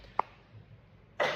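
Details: A short click, then one loud, harsh cough burst from an adult woman who says she lost her voice overnight, recorded while she works a restaurant service.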